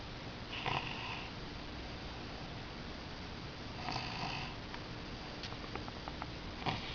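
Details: Tired sleeping female snoring: rough, rattling snores on inhalation, about three over several seconds, against steady room noise; ordinary snoring.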